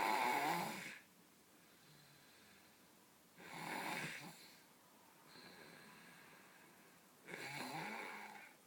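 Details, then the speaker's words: Child asleep after a tiring day playing outside, snoring loudly: slow, regular rasping breaths about 17 a minute with quiet pauses between them. "got really tired today playing outside. He's snoring pretty loudly."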